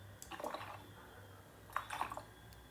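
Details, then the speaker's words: Teaching example of abdominal auscultation: hyperactive bowel sounds, bursts of gurgling, bubbling clicks in quick clusters reflecting increased intestinal activity. "hay incremento de la actividad intestinal,"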